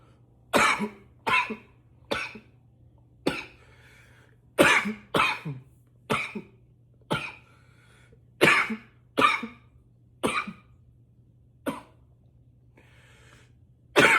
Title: 7 - intense coughs